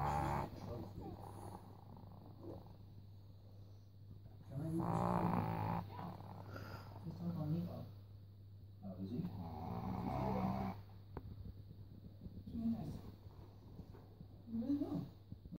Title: Wife or dog snoring ??